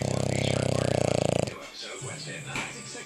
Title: Boston Terrier Snoring